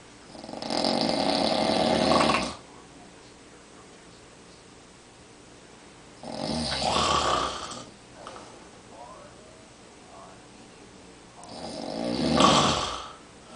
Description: My dad snores every night. My mom recorded him on a recliner chair.